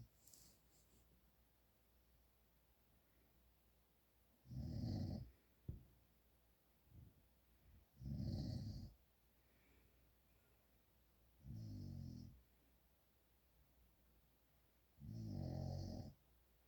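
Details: Father snoring in sleep: low, rough snores recurring irregularly, about 17 a minute, with a few softer snorts between.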